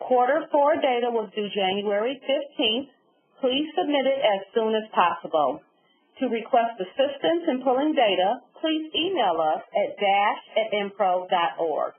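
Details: Adult woman; ordinary speech.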